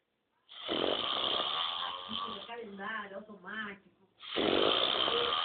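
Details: Father snoring in sleep: loud, rattling snores on breathing in, with a television sales program audible in the background.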